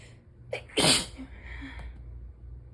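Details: One strong sneeze with a brief inhaled lead-in and a short sniff afterward, in an adult a week into a non-COVID respiratory illness going around work, just developing symptoms; sneezing.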